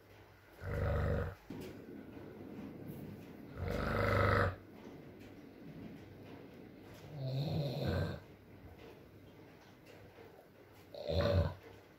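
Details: Male snoring in an ASMR sleep recording: four loud, low, rattling snores, about 20 a minute, with quiet breathing between over steady rain and room noise.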